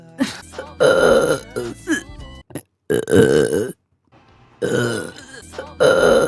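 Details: Burp compilation of a female live-streamer: several long, loud, croaky burps in a row, with music playing in the background.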